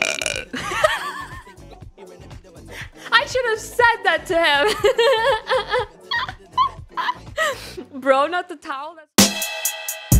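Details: Repeated long, voiced, croaking belches over background music, with a brief electronic sound at the end; a burping compilation.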